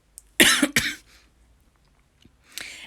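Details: Two quick, sharp dry coughs close together, then a softer throat-clearing burst after a pause in a quiet room, during a nail-painting session: dry cough.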